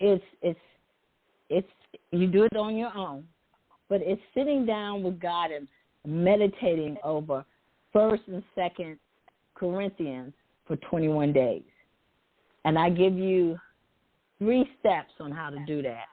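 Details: Adult woman who says she stutters sometimes, with word repetitions; stuttering.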